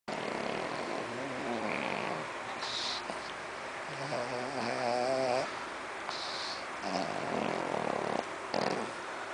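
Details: Pug aged 1 year 4 months, awake and playing: repeated rough, snorting, snoring-like breath noises from a small flat-faced dog, typical of noisy breathing through a narrowed airway.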